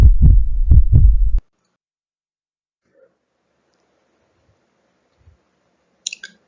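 Brief run of strong, low, regular heart thumps lasting about a second and a half, then near silence; a heartbeat heard through a stethoscope.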